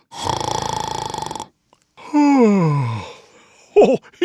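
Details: Simulated snore from an animated Santa Christmas tree ornament toy: a recorded rattling inhaled snore followed by a falling whistling exhale.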